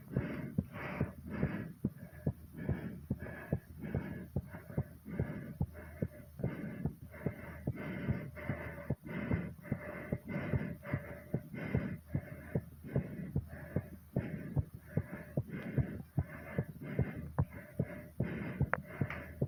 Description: i did some more exercising and made sure it got my heartbeat racing very fast and my breathing very hard